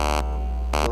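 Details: Elman radiofrequency skin-tightening handpiece in a live demonstration on a patient, making low-energy, overlapping passes (five passes) to build heat: loud buzzing electronic tones pulsing over a steady low hum.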